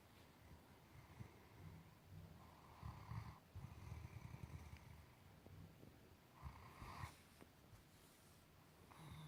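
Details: Sleeping Great Dane snoring: low, rumbling, fluttering breaths with louder snorting bursts every few seconds.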